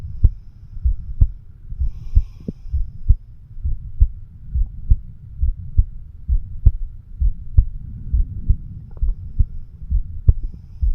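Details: A 36-year-old male records his own heart at the mitral (bicuspid) valve area with a homemade microphone stethoscope: steady, low thumping at about 65 beats a minute; heartbeat.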